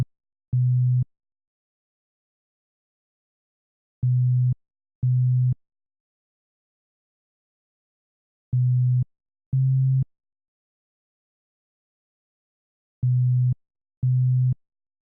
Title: Hearing Test 3 - 125Hz